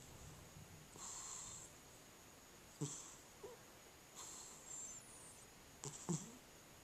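Soft, rough breathing noises with a few short snorts in a quiet room, a cat snoring during sleep.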